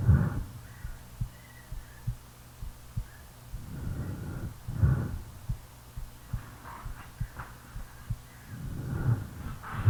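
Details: Real self-recording made while sleeping: regular soft, low heart thumps under slow, rough snoring breaths at about 13 breaths a minute; heartbeat with snoring.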